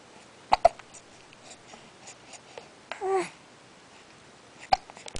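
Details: Infant hiccups: a few abrupt, sharp catch sounds with a brief soft coo in a quiet room.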